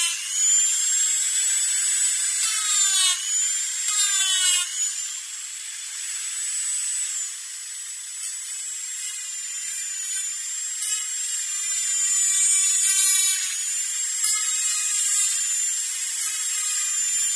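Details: Dentist's drill sound-effect track: high-pitched whine of a dental drill running, with pitch dips as it engages and eases off.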